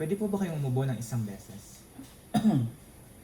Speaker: first ask the patient to cuff once to clear mild atelectasis are to clear mucus then listen to breath sounds